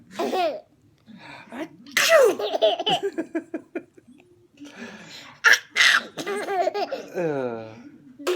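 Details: Young child sneezing with father: a couple of quick sneezes mixed with giggling and an adult's voice; ordinary sneezing.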